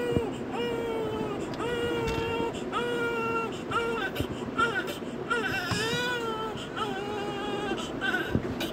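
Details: Newborn crying during IV cannula insertion on the foot in hospital: repeated high, drawn-out wails with short catches between them, a distressed cry during a painful procedure, with some background noise.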